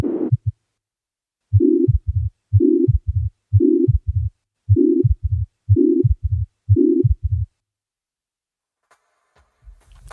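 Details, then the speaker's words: Mitral regurgitation murmur, heartbeat about 60/min; high-frequency, constant-intensity systolic murmur, loudest at apex, radiating to left axilla and interscapular area; may fill all systole or start mid-systole, peaking at second sound. "в зависимости от причины регургитации он может занимать всю систолу И лишь начинаться с середины систо и достигать максимальной громкости к появлению второго тона"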